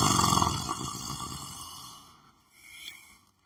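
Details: A man lying on the floor of his room snoring while sleeping: a loud, rough, rumbling breath fading over a few seconds, then a softer snort.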